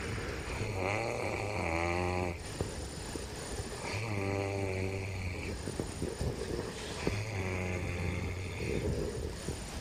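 Three long, low, buzzing snores over steady background noise, about one every three seconds.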